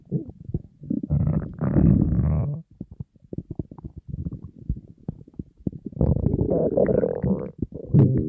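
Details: Person on a diet, very hungry, empty stomach: loud, long gurgling rumbles with bubbling in between; stomach growling (borborygmi).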